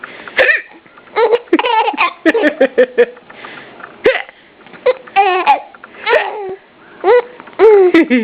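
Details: A baby boy giggling and babbling, in his first real giggle, with short abrupt hiccup catches breaking into the laughter; hiccups.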